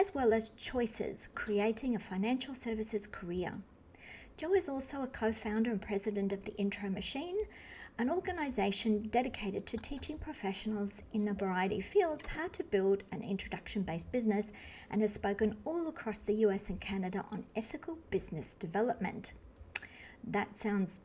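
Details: Adult woman speaking; ordinary fluent speech.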